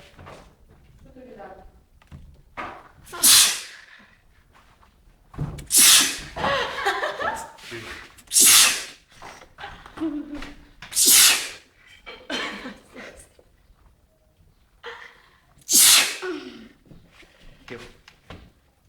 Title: Crazy sneeze